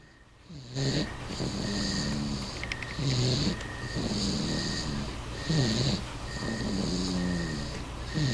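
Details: Seven-month-old infant snoring: repeated low, rattling breath sounds at about 24 a minute, with a steady high electronic tone in the background; snoring.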